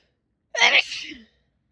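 A single sharp, explosive sneeze with a hissing burst of air, fading quickly into silence.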